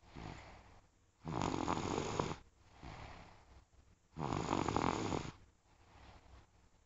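Two loud, rough, rattling snores on the in-breath, with quieter out-breaths between them, in a small room.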